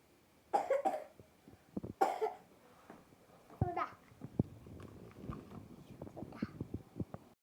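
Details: Productive cough in a child taking cough medicine for children: two bursts of wet, phlegmy coughing followed by quieter vocal sounds.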